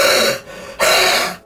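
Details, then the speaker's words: Productive (wet) cough: adult with a chest infection, hoarse and struggling to talk, deliberately coughs twice for the camera; two forced, harsh, rough, rattly phlegmy coughs from the chest. "But you can sort of hear it if it's all phlegmy by my chest."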